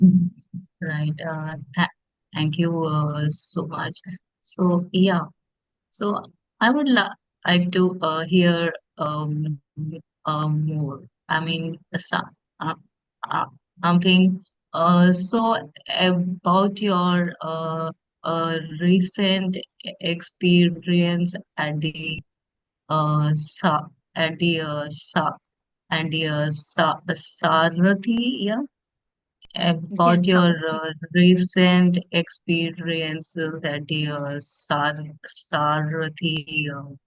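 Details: Adult woman, a teacher who stammers, asking about her fear of teaching during an audience Q&A; stuttering (stammering).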